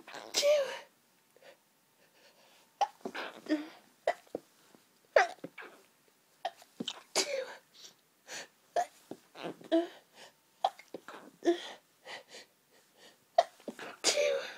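A long run of forceful sneezes, one after another, with gasping breaths between them: a repeated sneezing fit from hay fever.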